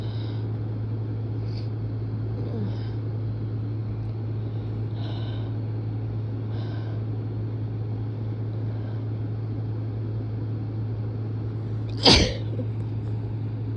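One sudden, forceful sneeze near the end, heard over a loud, steady engine drone.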